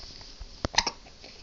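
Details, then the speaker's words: Hiccups in a 3.5-month-old (15-week) baby in a quiet room: a couple of short, sharp hiccup sounds, ordinary infant hiccups. "Hiccups. Hiccups. Oh my. Oh my. How you going to get rid of those hiccups?"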